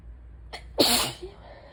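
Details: Sneeze during what the person believes is an allergy attack with stuffy nose, sore throat and asthma symptoms: a short inward breath, then one loud explosive sneeze.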